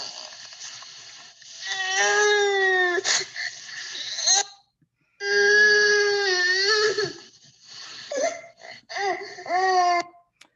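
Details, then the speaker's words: An infant's abnormal cry after a neonatal stroke, from a research study: long, smeared, slurred bouts with a low, flat pitch and energy concentrated in the low frequencies. "So that's a baby who's had a stroke. This is coming from our Chatter Baby research study."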